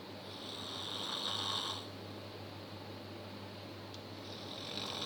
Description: Snoring Power, No words to describe the power of snoring.